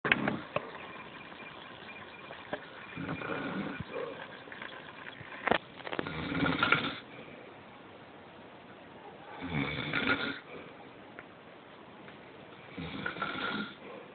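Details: Father snoring while asleep: rough, rattling snores on inspiration about every three seconds.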